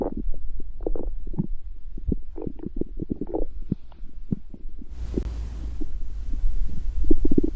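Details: Borborygmi, real hunger stomach growling from a girl: deep, irregular gurgling belly rumbles, then a rush of noise.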